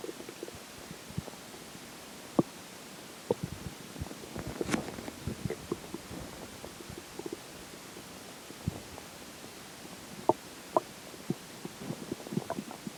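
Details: Ordinary digestion bowel sounds after a McDonald's lunch and a slice of pizza for breakfast: scattered soft clicks, pops and faint gurgles over a quiet hiss; stomach growls.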